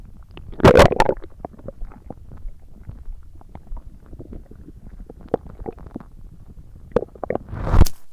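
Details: ASMR recording of stomach growling: low gurgles and rumbles with a few louder bursts near the start and end; bowel sounds (borborygmi).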